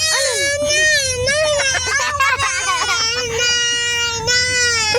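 Sustained, loud, wavering crying from an infant, with a short catch partway through and faint low background rumble.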